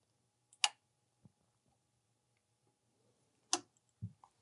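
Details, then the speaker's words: Clicks as a surgical cassette is pressed down into the Faros vitrectomy platform and the irrigation tube is pulled into the valve until it clicks; setup of the I/A tubing system for vitrectomy. "then insert the cassette slightly tilted press it down until you hear that clicking sound and finally insert the irrigation tube here pull it into the valve until you hear also a clicking sound"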